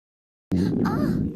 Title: Stomach growling